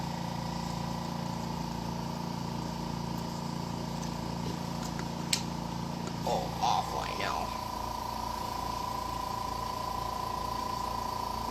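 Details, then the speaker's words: Tracheostomy suction machine turned on at home to suction a baby born two months premature who is on advanced life support, before a trach tie change: steady motor hum, brief gurgling bursts, and an alarm that sounds with suctioning. "so I'm just turning on her suction machine"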